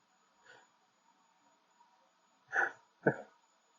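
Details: Person's sneeze buildup, with the sneeze feeling stuck: a faint intake of breath, then two quick, soft sneeze bursts close together in a quiet room. Sneezing.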